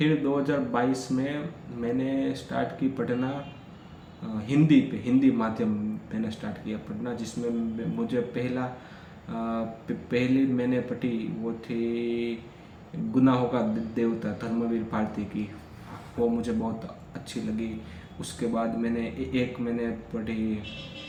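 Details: Stuttering in a young man who practises daily, says he has gained much control but it still shows on certain sounds; day 5 of a practice routine, spontaneous speech.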